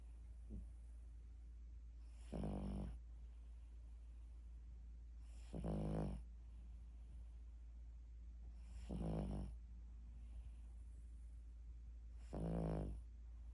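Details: Snoring from a sleeping dog: four regular, rattling snores, about 18 a minute, over a steady low hum.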